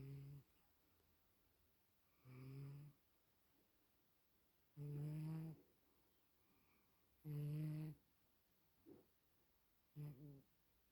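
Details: Jack snoring steadily in a quiet room: regular low buzzing snores about six per minute, each with a short snort.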